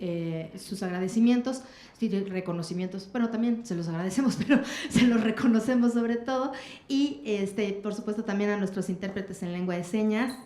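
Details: Adult woman speaking Spanish; normal speech.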